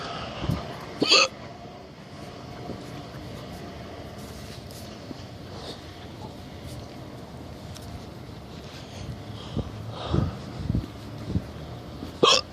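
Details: Hiccups (singultus) in a person who asks how to cure them.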